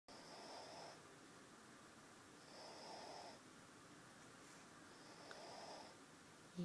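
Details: Baby sleeping comfortably in her father's arms, snoring with soft, faint breaths about 24 a minute over steady room hiss; snoring.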